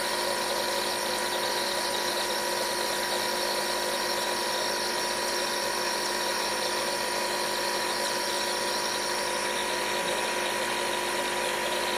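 Steady whirring motor hum with a faint whine, consistent with a nebulizer compressor running during asthma treatment.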